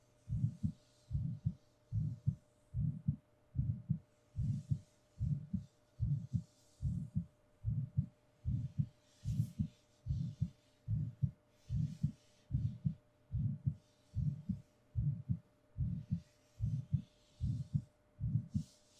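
Steady, regular low heart thumps at about 74 beats a minute, with a faint steady hum behind.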